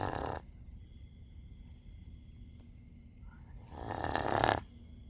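Two rough, noisy breath sounds about four seconds apart, over steady background hum; snoring in a sleeping dog.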